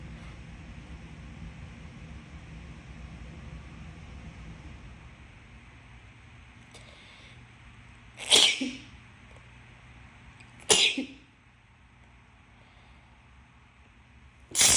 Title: Announced sneezes for Easter